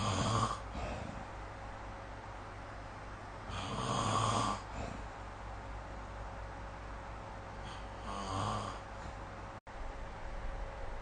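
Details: Snoring during sleep recorded with the SnoreLab phone app: deep, fluttering snores on breaths in, about 15 a minute, separated by quiet stretches with a faint room hum.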